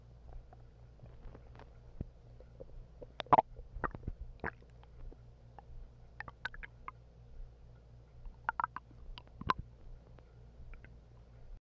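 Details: Irregular gurgles, squelches and short pops from the belly over a steady low hum after eating half a bag of hot chips; stomach growling (borborygmi).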